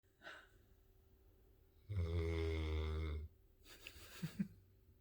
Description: loud snoring puppy dog